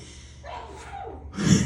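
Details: A quick drawn-in breath builds to a single loud, explosive human sneeze over faint crowd noise at a live show; sneeze.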